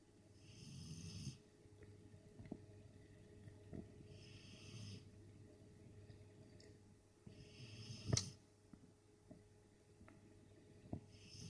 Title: Dog, Snoring